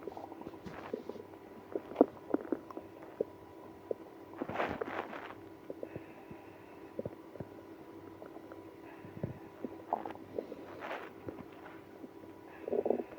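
Scattered gurgles and clicks with a few longer rumbling growls over a quiet background: active bowel sounds.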